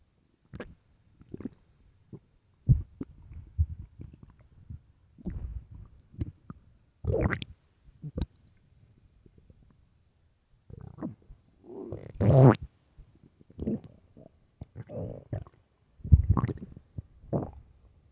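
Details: Late-night stomach growling in a quiet room: low gurgles, squelches and a longer rumbling growl; ordinary borborygmi.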